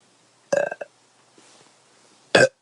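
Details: Woman after drinking many beers, feeling bloated with pressure: three loud, gurgling belches, a long one, a brief one, then another long one; ordinary belching of swallowed gas.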